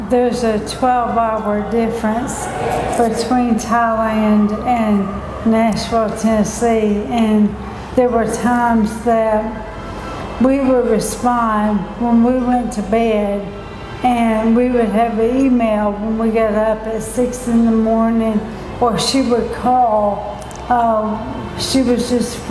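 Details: Adult speaker; Normal speech.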